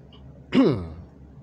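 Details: A single brief, harsh, voiced throat-clearing burst from an adult, under half a second.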